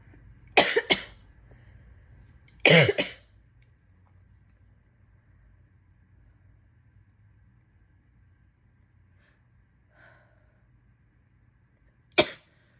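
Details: Sitting adult, sick and with a dripping runny nose, gives a few loud, harsh coughs in short clusters separated by quiet breathing; chesty cough.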